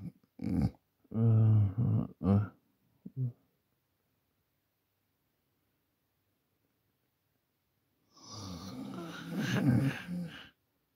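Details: Adult asleep at night, recorded on a Samsung Galaxy A40 phone: several short deep throaty snorts, then a long silence and one longer rough snore; irregular snoring during sleep.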